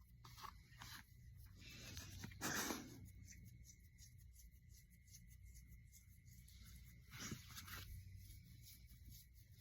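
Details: Dog sneezing after being petted: a sharp, snorting burst amid rustling and petting noise, with a fainter one later; sneezing.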